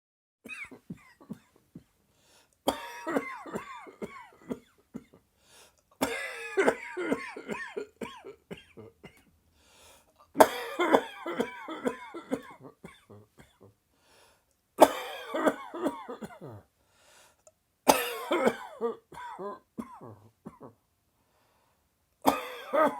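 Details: Sudden dry, tickly coughing fit that came on just after lunch: repeated bouts of short, dry, hacking coughs in quick runs with brief pauses between fits.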